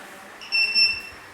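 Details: A short, high-pitched electronic beep of about half a second: the power-on signal of a 3 MHz therapy ultrasound machine.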